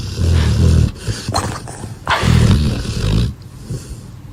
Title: A snoring dog #shorts